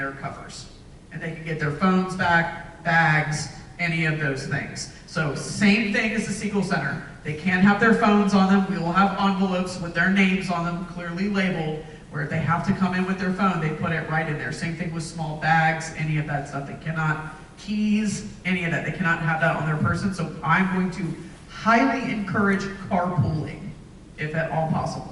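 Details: Adult speaker; Normal voice.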